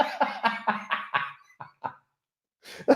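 A run of about eight rapid coughs that fade out, then a sharper cough after a pause.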